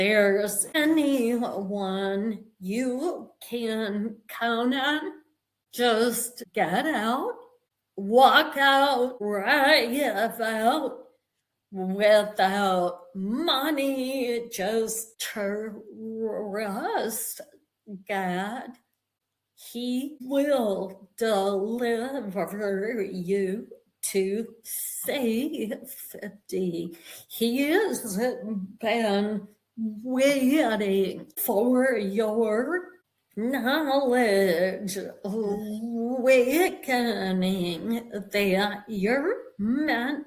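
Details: Adult woman with vocal tremor, which she attributes to over five decades of narcissistic abuse and trauma beginning at age five and affecting her body and nervous system.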